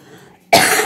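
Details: One abrupt, harsh cough burst after a quiet moment, from a person with a cough and cold; cough.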